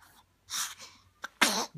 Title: Sneezing